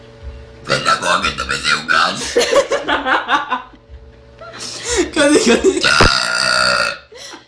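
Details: Young girl producing two long, loud, rumbling burps in a row, with faint music and laughter in the background.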